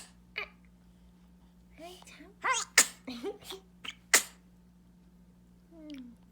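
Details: Baby boy sneezing; mother wonders if it is dusty: small fussy sounds and sharp little bursts of air, ending with a soft squeal; normal.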